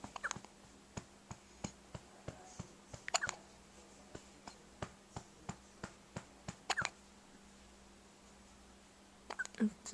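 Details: Soft, sharp hiccup clicks about every 0.6 seconds, roughly 15 in ten seconds, from a girl on day 3 who had just woken, faint whispering in a quiet room; ongoing hiccups.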